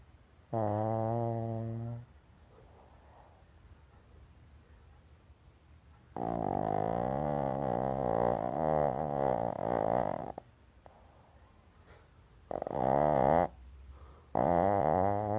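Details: Small female dog snoring in full REM sleep under a table: loud, rattling, buzzing snores on the breaths, one drawn out for several seconds, with quiet pauses between.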